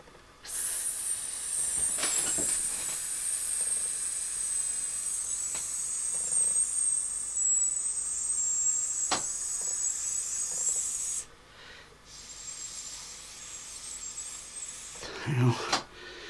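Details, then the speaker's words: A man with tinnitus imitates it with his lips: a steady, high-pitched narrow hiss like band-limited pink noise, which he says gives brief relief. "more or less try to sort mimic or produce be the sort of high-pitched hissing down hearing in my ears which sounds like narrowband pink knowledge that's had a loaf pass and a high-pass filter"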